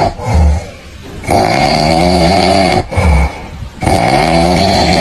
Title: Cow snoring #funny